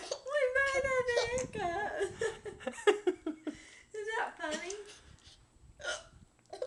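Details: Hiccups in two people, a girl and a boy who caught them laughing: short abrupt catches in the voice recurring amid laughter and chatter.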